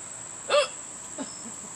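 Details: Hiccups in an adult woman outdoors: a short, abrupt voiced catch followed by a fainter one, with steady insect chirping and dragonflies flying around a pool.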